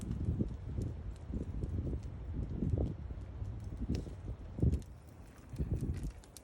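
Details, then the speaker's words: A dog sleeping in a sleeping bag in the back of a vehicle overnight gives soft, low rumbling snores in short bursts against a quiet background; snoring. "What a great night. you can hear Bella snoring."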